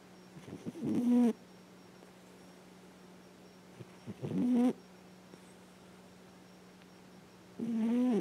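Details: Snoring from a female cat almost 10 years old, adopted as an orphaned shelter kitten, sleeping and thought to be dreaming; loud snoring.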